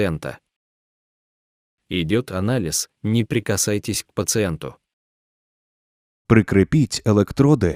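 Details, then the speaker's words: Defi5s Extra AED with ECG display giving multilingual synthetic voice prompts in short phrases with pauses, in a language other than English. "attach pads to patients bare chest do not touch patient analyzing heart rhythm please wait"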